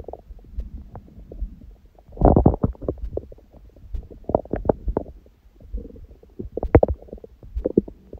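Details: Own belly after eating and after abdominal exercise; the first meal was a large one at 16:00 after water-only fasting since 19:00 the previous day, on a raw-food diet. Frequent gurgling, rumbling stomach sounds in irregular bursts: active bowel sounds.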